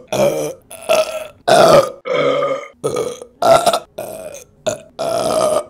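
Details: Female burping compilation: about seven loud, short, throaty voiced belches in quick succession.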